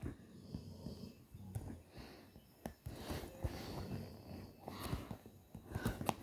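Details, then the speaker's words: Brody, a sleeping dog in the background of a gaming recording, gives faint, low rumbling breaths with snuffly, wheezy edges under steady room noise: ordinary snoring. "if you can hear that noise in the background that's um brody my dog snoring"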